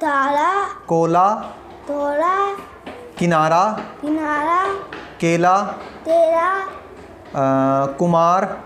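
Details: Articulation disorder (velar fronting) in a Hindi-speaking child. He says words such as 'kala' aloud to show his current pronunciation before speech therapy practice.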